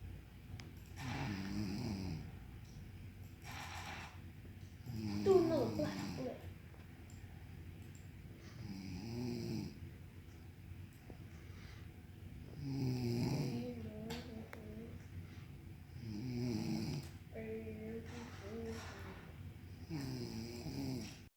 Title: Mommy snoring